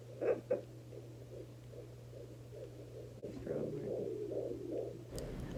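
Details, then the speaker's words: Home fetal Doppler at 17 weeks pregnant: rhythmic, rapid, galloping whooshing fetal heartbeat pulses over a steady electrical hum. "remember that the baby's heart rate should sound like a horse Galloping like running so if it sounds if the heart rate is too slow that's not the baby's heart rate that's your heart rate"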